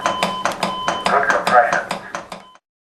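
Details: Simulated CPR on a manikin with an AED Plus trainer, adult pads and 30:2 compressions: rhythmic compression clicks at about 110–120 a minute, with a steady device tone and voice feedback prompts.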